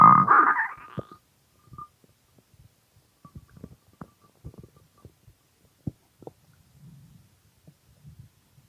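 A loud gurgling rumble opens, then scattered soft bubbling pops and squelches: hunger stomach growling, a normal gut sound.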